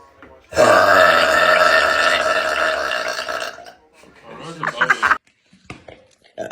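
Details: Woman burping: one long, loud, voiced belch lasting about three seconds, followed by brief talk and laughter.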